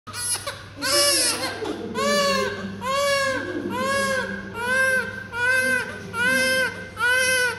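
Strong, rhythmic newborn crying in repeated bursts, about one a second, with a clear voice; a normal healthy newborn cry.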